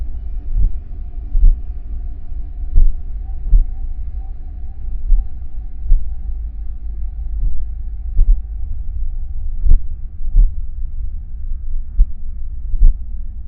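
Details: Normal heartbeat: steady, regular low thumps at about 70 beats a minute over a low hum.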